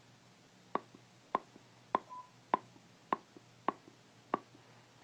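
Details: Eight loud, sharp clicks at a steady pace, about 95 a minute, as the jaw opens and closes: temporomandibular joint clicking, presented in a dental talk on stress-related bruxism.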